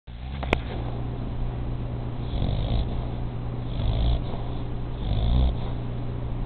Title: 11/5/09 snoring